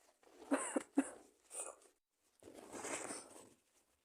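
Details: Acted roleplay by a woman playing a sick girlfriend in bed with a cold and fever: quick catching breaths, then a breathy sneeze burst.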